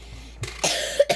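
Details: A short throat-clearing sound, then one harsh cough burst with a brief second burst, from a child who says they are sick; cough.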